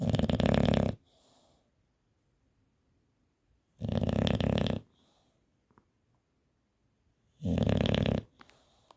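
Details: Bulldog snoring: loud, harsh, rattling snores, three in about nine seconds with quiet pauses between, about 20 a minute; typical flat-faced dog snoring.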